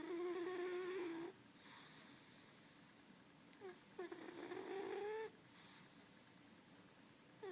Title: Snoring cat